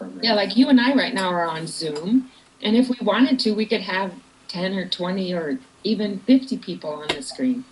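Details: Adult woman speaking; normal speech.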